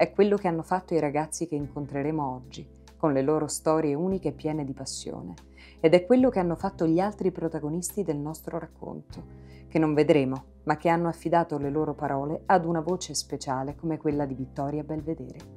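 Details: Adult narrator; typical speech.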